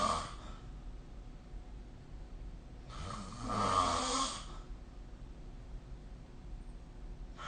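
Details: Human sleep snoring recorded with the SnoreLab smartphone app: rough, fluttering inhaled snores, one long and loud, over steady room noise.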